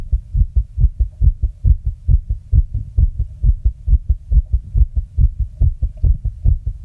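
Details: Own fast heartbeat recording: rapid, regular low lub-dub thumps well over 100 a minute with a faint hum behind; tachycardia.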